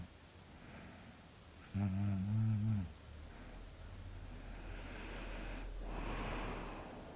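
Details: Person snoring loudly while asleep after work: one loud, low, buzzing snore on an in-breath, then quieter breathing noise in a small room.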